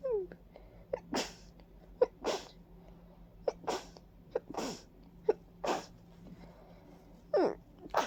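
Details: Repeated wet, forceful sneezes, about seven in eight seconds, each with a sharp in-breath, in a stuffy, congested person with runny nose, watering eyes and a persistent tickle, attributed to ragweed and dust; allergic rhinitis sneezing.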